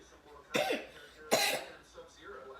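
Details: Child, apparently the speaker's son, coughing indoors: two sharp, harsh cough bursts with quiet room noise between them.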